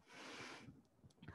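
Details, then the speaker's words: Normal needle EMG insertional activity: brief burst as the needle tip moves in a muscle; prolonged insertional activity could be pathological, and spontaneous activity is normally absent at rest. "insertional activity we register we estimate when we move the needle in the muscle you can see it it must be not very long because it might be pathological"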